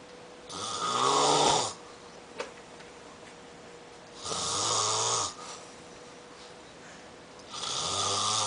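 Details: Three loud, rough snoring breaths about 3 to 4 seconds apart with quiet pauses between; ordinary snoring.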